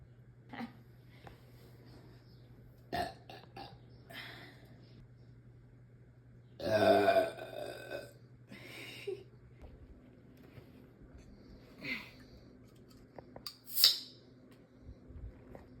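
A single short, rough belch in a quiet room with steady hum, then small mouth and throat sounds; ordinary burping.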